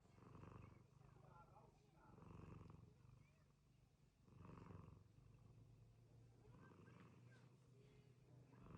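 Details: A sleeping female cat snores with a low, rattling, fluttering sound that rises and falls with each breath, about 29 breaths a minute: harmless snoring.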